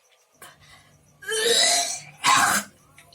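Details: Two rough, strained cough bursts after soft throat noises from a woman with a continuous cough and low back pain, reported as improving; persistent cough.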